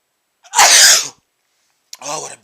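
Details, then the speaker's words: A man, audio only, sneezes after sniffing chhinkni (menthol-smelling snuff) for the first time, with burning in the nose and watering eyes: one loud, explosive sneeze with a sharp hissing burst, then a short breathy sound. "I'm going to sneeze oh I sneezed those are big sne oh those are big sneezes"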